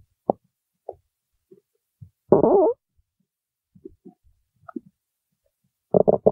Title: stomach growling while singing